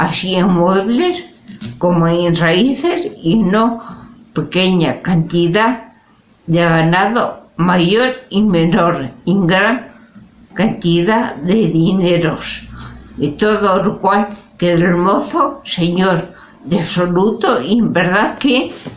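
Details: Spanish-speaking adult with aphasia, a member of an aphasia support association, reading a literary text aloud in Spanish in a prerecorded reading; aphasia.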